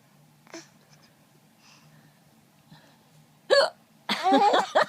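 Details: Young boy laughing who caught hiccups after laughing at his great-grandmother's hiccups: faint, sudden catches of breath amid loud giggling and squealing; hiccups.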